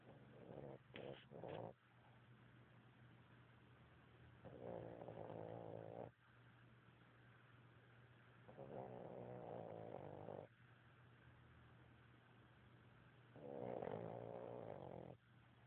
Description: Ever hear an english bull dog snore?